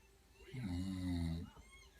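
A single low, buzzing snore lasting about one second in a quiet room.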